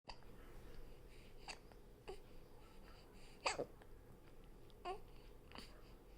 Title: hiccup hiccup...